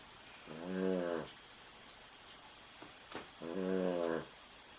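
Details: Two drawn-out, buzzing, tonal snores about three seconds apart from a sleeping dog, with quiet room noise between; snoring.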